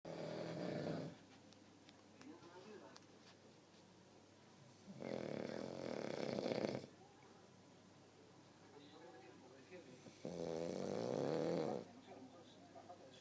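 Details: Three long, loud, rattling snores, each about two seconds, with quiet breathing between, from a sleeper described as a friend though it sounds like a dog; snoring.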